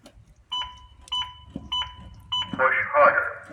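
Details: Four evenly spaced two-tone beeps, then a short voice prompt, from an AED training unit whose CPR sensor measures compression depth and rate during demonstrated CPR; compression feedback cues.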